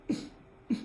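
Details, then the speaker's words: Sniffing tic in a person with Tourette syndrome who is currently sick with a stuffed nose: two quick, sharp nasal sniffs about half a second apart. "so like right now I'm pretty sick and nose is a little stuffed so the sniffing tic obviously gonna keep doing it"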